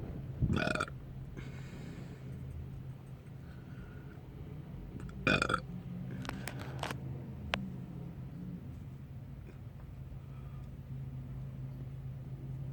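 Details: Two short, throaty burps against a steady low room hum; burping.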